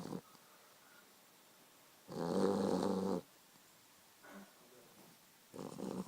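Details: Sleeping boxer puppy gives a loud, rumbling snore, then a brief snuffle and the start of another snore: ordinary snoring.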